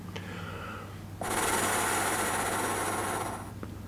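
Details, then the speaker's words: Adult with chronic bronchitis since childhood, wheezing, coughing and excess mucus, first-time AirPhysio oscillating PEP user: steady forced exhalation with a faint fluttering buzz as the ball valve vibrates slightly; oscillating positive expiratory pressure device in use. "okay it vibrated a little bit this time that was interesting i can feel like a little something going on in the old esophagus again"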